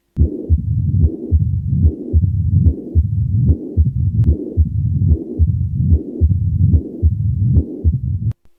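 Regular low-pitched heart sounds at about 73 beats a minute, with a low rumbling murmur filling much of each cycle. This fits combined mitral stenosis and regurgitation, where a narrowed, leaky mitral valve gives a diastolic rumble along with a systolic murmur.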